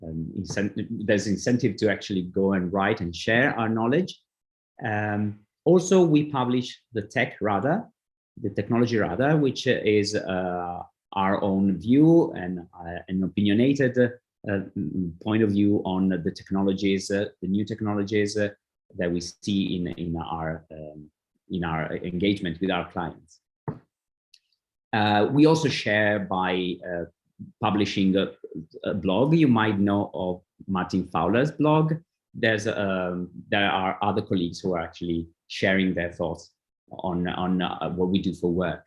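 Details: Adult male speaker; typical speech.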